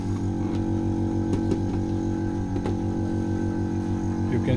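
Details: Biotronix vacuum therapy unit connected to an IFT physiotherapy device with four vacuum electrodes, demo: steady low motor hum with rapid rhythmic pulsing and faint clicks as suction holds the electrodes.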